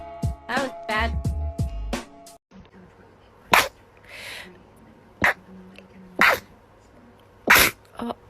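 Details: Girl sneezing: several sharp, explosive sneezes after brief music and vocal sounds.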